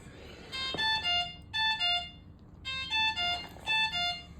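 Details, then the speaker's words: Ventilator (single-limb circuit) repeating bright two-tone electronic chimes, red high-alert alarm, triggered by secretions needing suction, coughing, bronchospasm or wheezing; ventilator high-pressure alarm. "high pressure is generally when the patient needs to be suctioned they have secretions you can kind of hear it gurgling also bronchospasm and wheezing will also create high pressure so this is what the alarm looks like"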